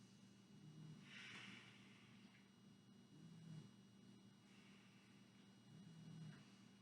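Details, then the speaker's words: Cat resting in her cat tree snoring really loudly. "Do you hear that snoring sound? My cat, who's in her cat tree, is snoring really loud right now."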